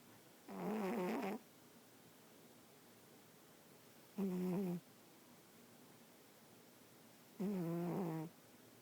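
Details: Sleeping pet cat snoring loudly, with buzzing, slightly musical breaths about 17 times a minute.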